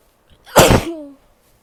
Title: sneezes and nose blows (f)